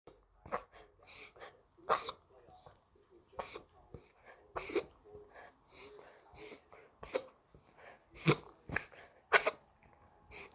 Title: Cough